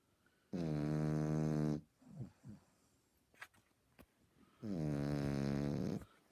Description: Lloyd our 18 week old frenchie snoring like a drunk old man via YouTube Capture